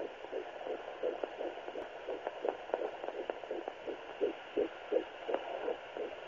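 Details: Rapid, rhythmic whooshing pulses of a fetal heartbeat picked up by a Doppler monitor during pregnancy.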